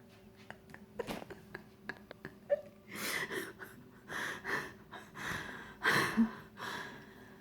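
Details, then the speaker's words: Right after hiccups stop: soft clicks, then a run of breathy, gasping bursts of uncontrollable laughter; gasping. "Hiccups can be controlled by breathing."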